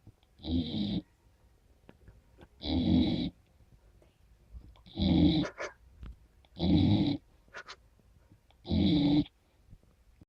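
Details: Five rough, rattling breath sounds about every two seconds, roughly 28 a minute, with quiet gaps between: a sleeping 15-week-old golden retriever puppy snoring.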